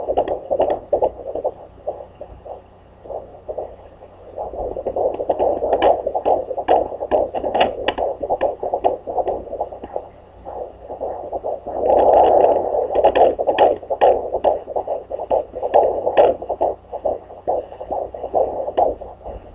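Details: Home handheld fetal Doppler after earlier attempts that possibly caught the mother's pulse: rapid, regular whooshing galloping pulses, about 143–145 a minute, thought to be the fetal heartbeat.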